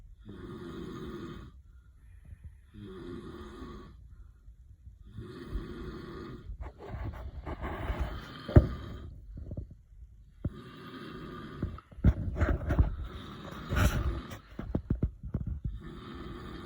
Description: Weimaraner dreaming while husband snores